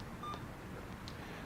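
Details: Two short electronic keypad beeps in a quiet room as a nicardipine dose of 5 mg/hour and volume are entered on an Alaris CareFusion infusion pump, demonstrated for transport of acute stroke patients.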